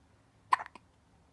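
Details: A single short, sharp hiccup with a quick catch of breath after it, in a quiet room.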